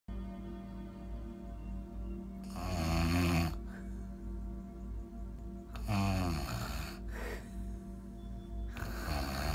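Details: Loud, rattling, coarse snores about every three seconds from an adult asleep during a spa facial, over soft steady background music; snoring.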